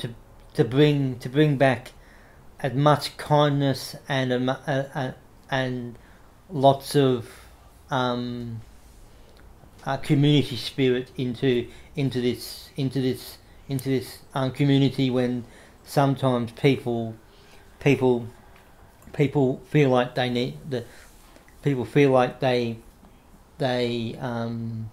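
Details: Adult man with cerebral palsy since infancy, no movement in his right side (right arm and leg affected), says he has a bit of a stutter he tries to control by calming down; stuttering.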